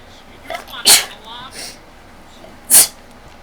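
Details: Two sharp, explosive sneezes in a quiet room, the first preceded by a short in-breath.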